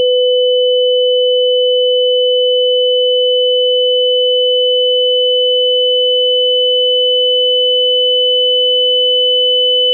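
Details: Simulated tinnitus: a steady, unchanging high-pitched ringing tone with a fainter lower hum underneath, holding constant throughout.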